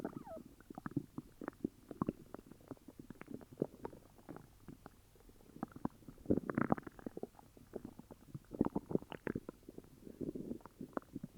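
Continuous gurgling with crackly pops and louder rolling growls from the belly, stomach rumbling with an upset stomach.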